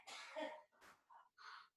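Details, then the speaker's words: An adult woman sneezes off-mic in a small room during an online talk: sudden voiced burst, sharp noisy blast, a couple of short trailing sounds: sneeze. "And you can hear my mom actually on the background, so pardon, I think she just sneezed, and I heard her"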